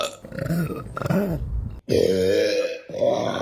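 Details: Women belching in a burping compilation: several long, loud, voiced belches with a rumbling tone, one after another with brief pauses between; burping.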